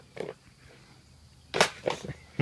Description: Playing with flower pot and has a sneezing fit